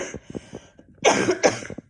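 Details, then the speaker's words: Adult with an intense, persistent cough during a self-described detox and 48-hour fast, with poor sleep; two forceful, harsh coughs follow softer throat noises, and the speaker says the cough is getting better. "So, still battling the cough, so forgive me if I start coughing again, because you know I will."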